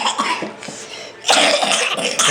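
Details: A 4-year-old and a 3-year-old child make silly noises in play and give loud, forced, deliberately fake coughing bursts, not from illness: voluntary fake cough.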